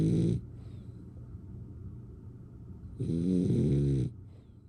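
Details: Loud, rattling snores on inhaling, about three seconds apart, with quieter breathing out between them; snoring.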